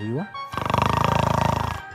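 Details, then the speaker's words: Snoring in a patient with obstructive sleep apnoea, the soft palate and tongue rising to narrow the airway: a coarse, fluttering snore from vibrating soft tissue. "اهو، ادي سقف الحلق ارتفع لفوق، اللسان ارتفع لفوق، العيان كده شخير وداخل في انقطاع التنفس."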